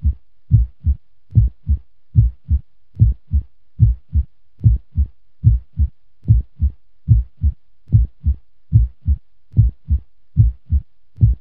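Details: Steady, regular lub-dub normal heartbeat at about 72 beats a minute, a normal resting rate.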